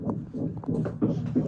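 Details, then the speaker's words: Fetal heartbeat on Doppler ultrasound at the 13-week anomaly scan: rapid, rhythmic whooshing pulses, strong and regular, described as a strong heartbeat. "That's the heartbeat. Sounds like a strong heartbeat. Sounds good."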